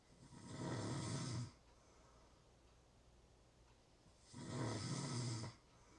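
Two deep, rattling snores about four seconds apart, with quiet breathing between them.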